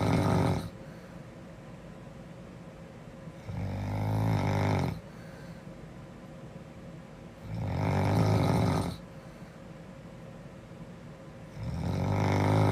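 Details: Snoring girl: loud, rough low snores on each in-breath, about every four seconds, with quiet out-breaths between; snoring.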